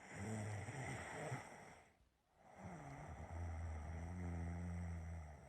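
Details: Person's own snoring during sleep: low, rumbling breaths, a brief quiet pause, then a long vibrating inhale.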